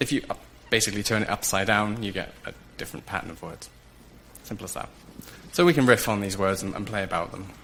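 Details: Adult male speaker; Normal speech.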